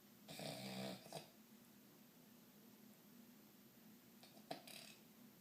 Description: went to New York in January and had a few drinks, this is the end product. me snoring loudly